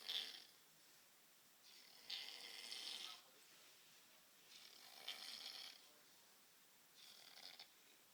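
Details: Soft, airy snoring with a rattling edge, repeating about every two seconds in a quiet room.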